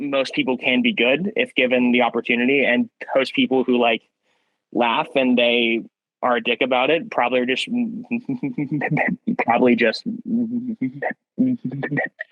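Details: Young man who has stuttered since about first grade, with recurrence in second grade after a traumatic event; has had speech therapy; hard vowel sounds hardest; worsened by stress, first impressions and phone calls; stuttering.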